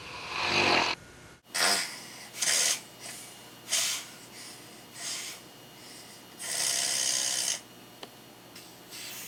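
Irregular hissy, rattling breath noises repeating every second or so, fitting noisy snoring with a breathy, airy quality.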